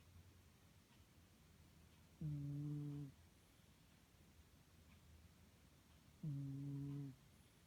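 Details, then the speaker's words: Pet cat snoring: two soft, low, humming snores about four seconds apart, each under a second, in a quiet room; gentle snoring. "Cat is snoring. Listen to her snore."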